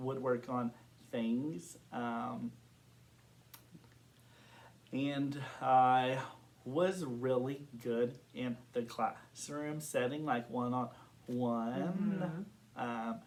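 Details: Adult man who has stuttered since kindergarten, reporting blocks and varying severity; stuttering.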